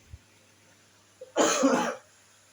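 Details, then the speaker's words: Single harsh cough burst, about half a second, from a sick adult in a quiet small room; cough. "saya mohon maaf apabila saya ada terdengar suara batuk-batuk itu saya lagi sini lagi sakit"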